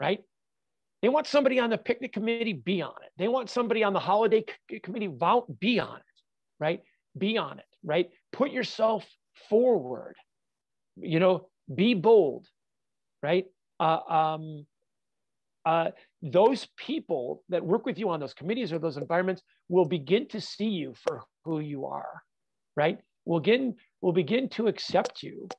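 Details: Adult man with stuttering (fluency disorder) since childhood, still stuttering all the time, not only when nervous; real, with pauses and fillers he notes himself.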